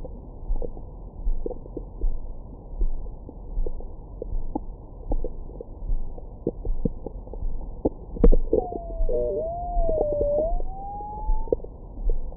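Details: Recorded with a Stemoscope stethoscope microphone on the belly after a big meal: low rumbling and soft gurgles, then a long rising-and-falling squeak; active bowel sounds.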